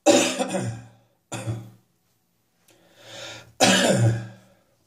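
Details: Four harsh, hacking cough bursts, the third softer, in a quiet room; a persistent morning cough that is still lingering.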